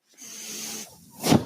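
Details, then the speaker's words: Mechanical ventilator breath cycle from the podcaster's own ventilator, heard while he talks. "hello everyone my name is that noise you're hearing is my ventilator"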